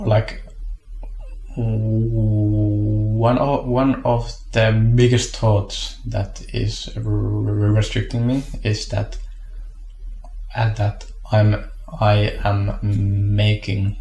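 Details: Stuttering in an adult who stutters.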